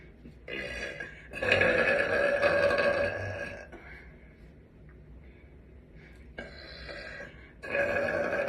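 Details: Young blonde woman burping on command: several long, loud, voiced belches made on purpose, with quiet room noise between them.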